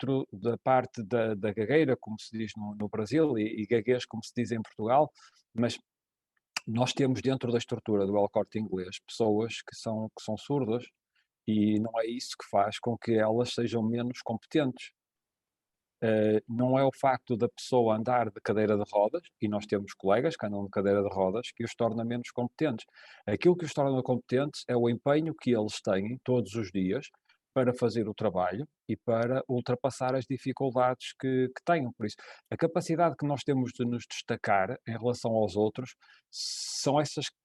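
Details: Adult male speaker; ordinary speech.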